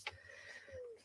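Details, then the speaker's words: Adult sick with a respiratory illness and a new, slightly phlegmy cough: a faint, high whistling tone held through a breath, then a lower falling whistle, a soft wheeze. "You can hear me wheeze. I don't know if you just heard that."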